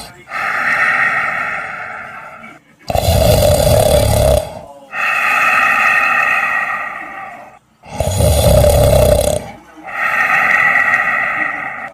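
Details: Two fat cats snoring in sleep: loud, rough, rhythmic snoring that alternates deep rattling and higher nasal tones.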